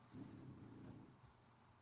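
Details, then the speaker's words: Snoring from sleeping French bulldogs lying behind the speakers: a low, rattling rumble, with one snoring breath lasting under a second over faint room hum. "somebody just text us so they can hear the dog snoring yeah those are our frenchies so yeah they're sleeping right behind us that's the snoring they're adorable"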